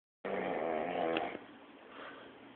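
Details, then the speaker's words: Adult man passed out drunk on a bed around 7 am, snoring loudly; onlooker remarks he can't breathe. Snoring. "look at you pass out snoring yes that's the sound of you pass out s on my [ __ ] bed"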